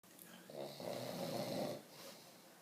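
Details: Man sleeping, snoring too loudly per his friend: one loud, rough, rattling snore about a second long, with quiet room noise around it.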